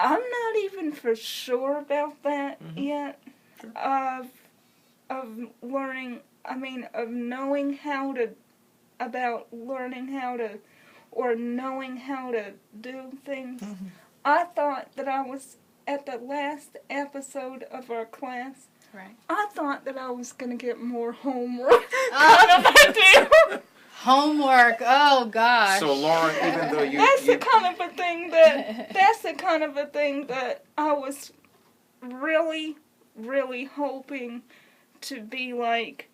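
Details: Adult woman with congenital cerebral palsy, wheelchair user since early childhood, speaking hesitantly with repeated words and fillers; dysarthria (cerebral palsy).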